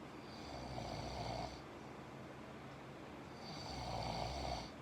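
Two long, rough, fluttering snores a few seconds apart over steady room hiss; typical snoring.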